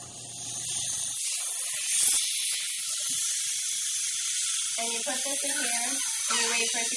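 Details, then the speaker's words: Oxygen flowmeter on flush with a Christmas-tree adapter and glove attached, giving 100% oxygen for two-point calibration of an oxygen analyzer; loud steady hiss of flush flow, a voice joining near the end. "in order to do 100% you put a you put a Christmas tree on the flow meter you attach a glove to it you put it to flush in order to get"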